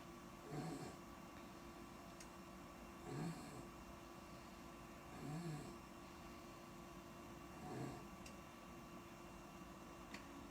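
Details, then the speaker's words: Soft, low snoring recurring about every 2.5 s from a hospitalized child just moved from PICU to a pediatric ward; stertor from swelling of vocal cords and airways, not snored before. "She's not snoring on purpose. She's never snored before. She's got some swelling going on in her vocal cords and her breathing pipes, all that."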